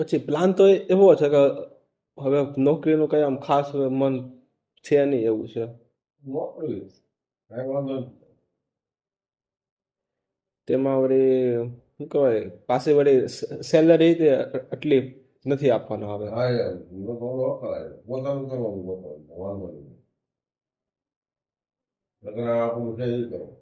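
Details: Man who stammers and does daily fluency practice, speaking Gujarati in a recorded conversation with his father; stuttering.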